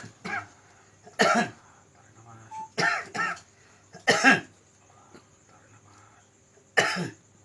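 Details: Man coughing for over 2 years, with no disease found despite many medical visits: repeated harsh coughs and throat clearing, about five bursts, over quiet room noise. Chronic cough.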